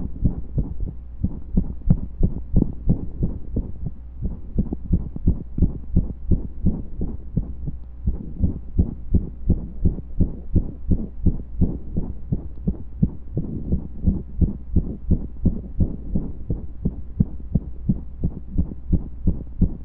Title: Pressure and Breath Holds with a Few Skips